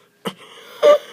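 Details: Adult coughing at 1 a.m., described as the worst cough ever: two brief, harsh bursts about half a second apart in a quiet room.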